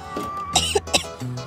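Two short, sharp cough bursts from an adult over faint background music and room noise; a plain dry-sounding cough.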